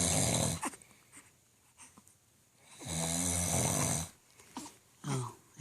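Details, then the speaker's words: Loud, harsh, rattling snores on breaths with snorting catches between them, from a father asleep at 2 a.m. in a quiet room; snoring loud enough to keep others awake. "but yet we are sitting here and can't sleep because daddy is snoring so loud"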